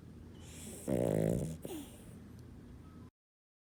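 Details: Single low, rattling, snorting snore against a quiet background from an animal named Roxie at a hobby farm rescue; snoring.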